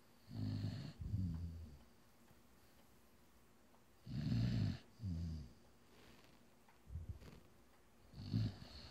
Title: Badger snoring